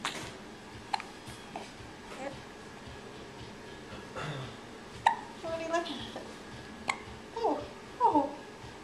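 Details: Faint, brief, sharp clicks and tiny chirps recurring every few seconds under a soft voice talking; hiccups in a little bird.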